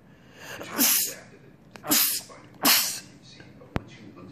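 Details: Three explosive, hissing sneezes in quick succession, then a faint click; a sneezing fit.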